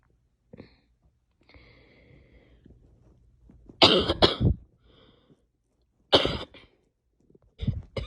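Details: Female coughing: faint throat sound, then three separate bouts of harsh coughing, each of two or three quick bursts; repeated coughing.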